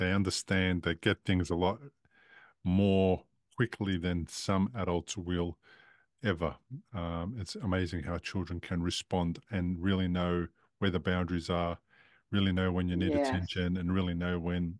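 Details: Adult man speaking; typical speech.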